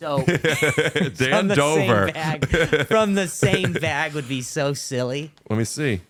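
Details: Adult male comedian with a stuttering disorder, attending speech therapy, speaking in conversation; stuttering.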